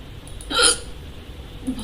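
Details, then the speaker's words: Sudden bout of hiccups after eating only a pomegranate, nothing spicy; one abrupt, sharp hiccup with a quick catch of breath over room noise. "अच्छी खासी हिचकी start हो गई और बहुत बढ़िया अपना काम कर रही थी मैं लेकिन सडनली बताओ इनका मैं क्या करूं"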